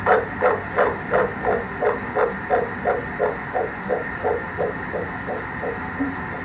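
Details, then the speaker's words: Fetal heartbeat at 8 weeks of pregnancy recorded at an ultrasound appointment: rapid, regular whooshing beats averaging 171 per minute, described as strong. "So baby's heartbeat was strong. It was averaging 171 beats per minute, which is amazing."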